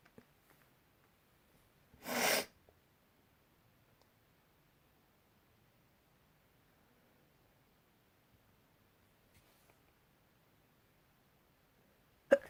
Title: Spring Sneezes